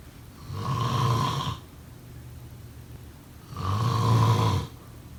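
Two loud, low rattling snores on inhalation, about three seconds apart, with quiet breathing between; typical snoring.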